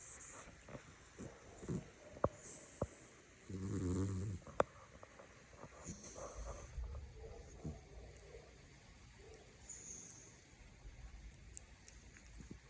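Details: Snoring in a sleeping pet pig: soft, irregular snoring with a louder rumbling snore and occasional snorts, against faint room noise.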